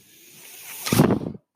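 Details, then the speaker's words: Mechanical ventilator used by an adult man while he speaks: a soft rising hiss ends in a brief louder rush of air, the ventilator's breathing cycle. "my name is worried that noise you're hearing is my ventilator"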